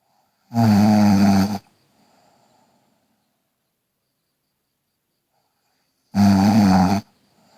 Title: Snoring Girl